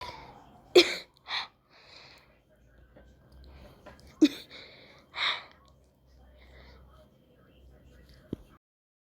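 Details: Sneezing: a run of several short, sharp, hissing small sneezes separated by quiet pauses.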